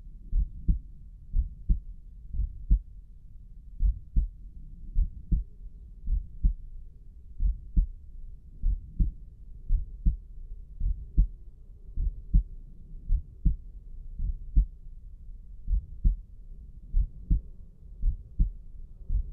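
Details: Steady, strong two-part heart sounds at about 55 beats a minute, heard by stethoscope at Erb's point in an adult whose heart felt pounding, with visibly pulsing carotid arteries.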